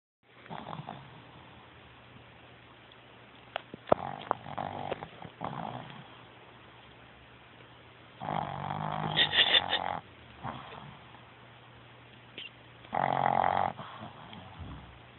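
Loud, rough, rattling breath sounds come in irregular bursts, some louder and snorty, with quieter rustling in between: snoring.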